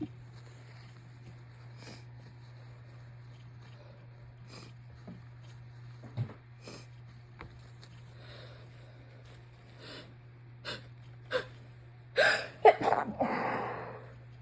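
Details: Adult who thinks they are coming down with a cold, nose refilling after blowing: quiet sniffling and small nasal sounds, then two or three wet, forceful sneezes; messy sneezing with thick snot.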